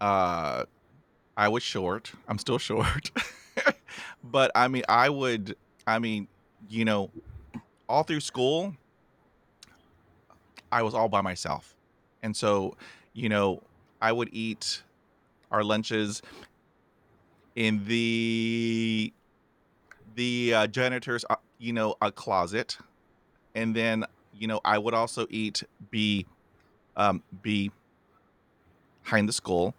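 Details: Adult male with a stutter who had speech therapy as a child, with part-word repetitions; stuttering.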